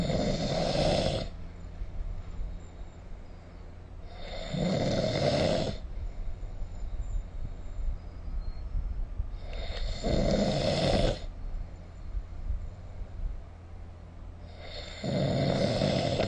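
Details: Snoring during sleep recorded with the SnoreLab app: loud, rough snores, about four in sixteen seconds, over a steady low background hum.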